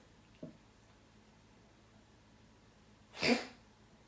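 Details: A faint sound, then a single sharp, explosive sneeze from a male in a quiet room; sneezing.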